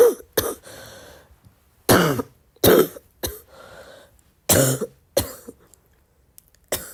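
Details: About six harsh cough bursts with throat clearing and a rattling, mucus-laden quality; the person says their cough is getting wet; wet, productive cough.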